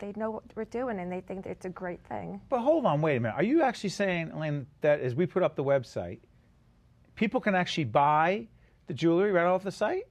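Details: Adult speaker; normal speech.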